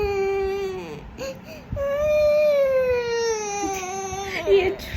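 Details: 4-year-old girl crying because her friends have turned 6: long, wailing, tuneful sobs with short catches of breath between them.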